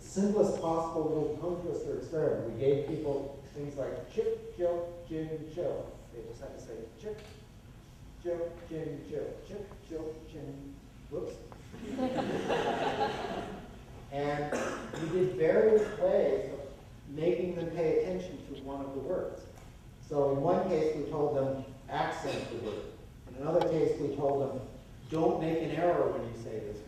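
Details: Adult man lecturing; normal speech.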